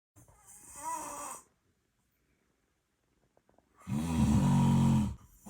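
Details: Two drawn-out, rattling snores with a quiet pause between them from a sleeping British Shorthair kitten; ordinary snoring.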